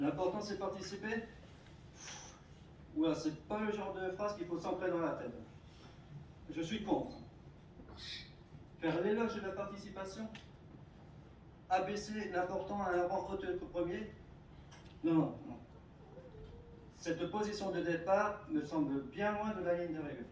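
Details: Adult speaker giving a speech in French; stuttering.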